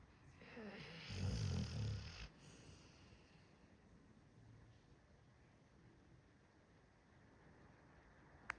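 One low, rumbling snore from a sleeping dog, then quiet breathing against faint room noise.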